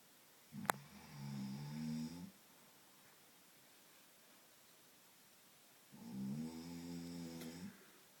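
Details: Two long, buzzing, low-pitched rumbles on inhalation about five seconds apart from an adult man (a father) asleep; snoring.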